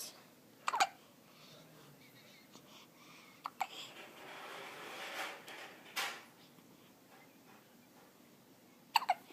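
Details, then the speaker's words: One-week-old baby with hiccups: several short, abrupt hiccup sounds spaced a few seconds apart in a quiet room. "Bless you. Bless you. Hiccups."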